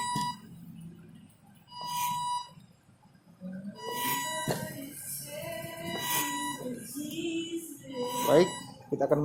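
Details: Portable emergency mechanical ventilator built at Sam Ratulangi University engineering faculty for the COVID-19 pandemic, rate set to 30 breaths a minute; a short tonal beep about every two seconds as it cycles.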